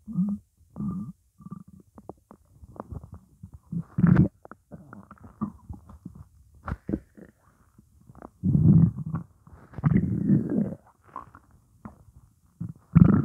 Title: Morning hunger